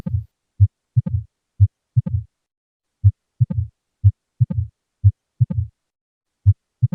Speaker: This sound is produced in Mitral Valve Stenosis when the disease is Mild